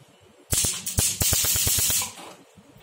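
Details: A rapid run of about ten sharp snapping clicks in under two seconds from a portable Q-switched Nd:YAG laser (1064/1032 nm) fired by pedal in a tattoo and eyebrow removal demonstration.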